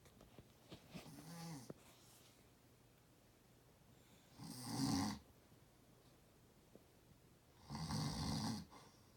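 Two loud, rough snores on inhalation, roughly 18 a minute, in a quiet room; ordinary snoring.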